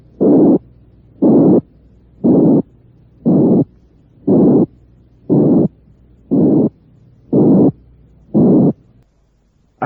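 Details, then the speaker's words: Simulated harsh murmur bursts about once a second, harshness increasing as the murmur's frequency band widens. The harsh murmur type associated with aortic and pulmonary stenosis. "soplo áspero que asociamos con la estenosis aórtica y pulmonar"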